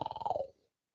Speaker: Snoring from Divvy, yes. So snoring, I'm gonna try and do it now. It's that sound through the nose, it's (snores).